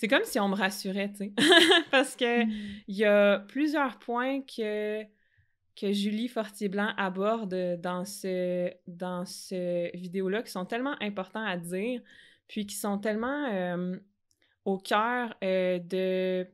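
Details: Adult woman who stutters, a master's candidate in speech-language pathology, speaking in French about driving carpool passengers, a situation she says made her stutter most; stuttering.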